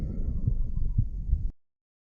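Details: Regular low thumping heartbeats with no added noise, recorded at the aortic valve area of a 34-year-old male: normal heart sounds.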